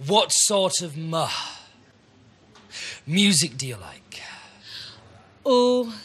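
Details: Male who stammers, speaking in his usual way the night before starting a four-day McGuire Programme stammering course, before any training; stuttering.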